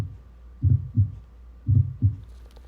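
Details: Fourth heart sound (S4 gallop) in an older patient with long-standing, difficult-to-control hypertension; slow, low-pitched heartbeat near 57 per minute with a soft extra sound just before S1.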